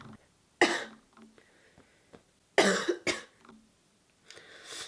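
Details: Three harsh coughs, a single one then a close pair, with quiet room sound between them, from a person who says they have been ill with a lingering cold and are taking medication.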